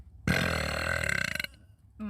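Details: Girls burping hard, TikTok short: a long, loud, rumbling belch lasting over a second, breaking into rapid pulses at the end; forceful burping.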